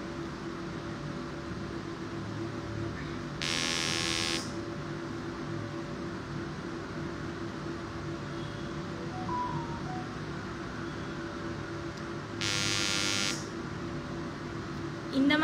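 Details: Two brief, harsh buzzing bursts, each about a second long, over a steady room hum, from a repetitive peripheral magnetic stimulation (rPMS) machine in dynamic mode, applied along the nerve course to treat a patient with diabetic neuropathy.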